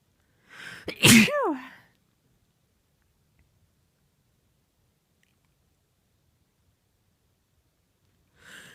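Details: Adult female, one loud uncovered sneeze: quick breath in, then an explosive voiced burst, followed by quiet; part of a long run of powerful sneezes.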